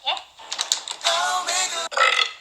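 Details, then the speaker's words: Brief, rough, voiced belch lasting about two seconds, with a short break near its end, from a burp compilation; ordinary burping. "all right belching is considered a sign of respect a sign of respect a sign of respect"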